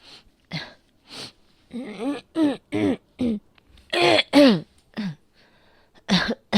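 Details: Real recorded cough, tagged asthma.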